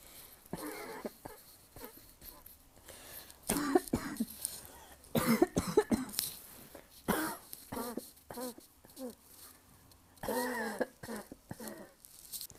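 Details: Asthma cough: several harsh, loud barking cough bursts with throat clearing between them.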